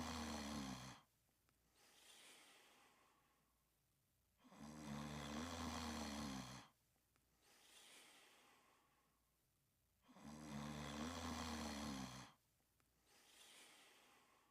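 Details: Two sleepers snoring and dreaming: loud, rumbling snores on each breath in alternating with soft breaths out, about 11 breaths a minute; snoring during sleep.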